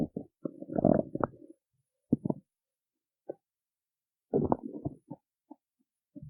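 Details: Bursts of gurgling, bubbling rumbles with quiet gaps after skipping breakfast; ordinary stomach growling (borborygmi).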